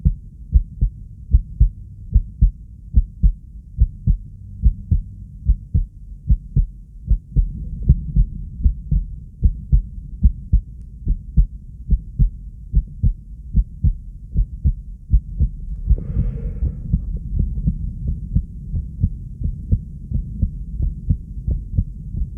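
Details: Steady, regular, low heart thumps at about 74 beats a minute, described as fast, with a brief rustle partway through: heartbeat.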